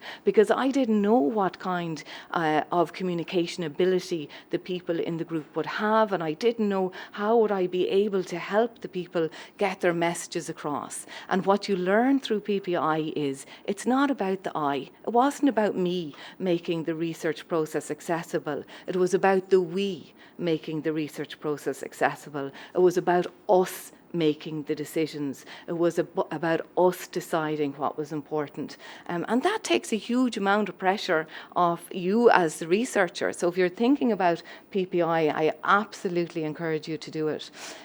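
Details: Adult woman speaking; normal speech.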